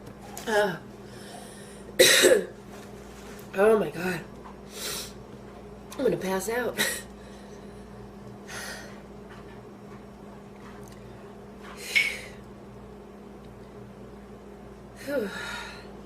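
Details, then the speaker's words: About eight harsh, forceful cough bursts in irregular clusters with gasps between, from an adult woman after inhaling part of a sandwich; she feels food in her windpipe, with pain and lightheadedness. A prolonged coughing fit after aspiration. "that was intense uh uh um i haven't had a coughing fit like that in a long time i thought i was going to choke to death before i put the camera on"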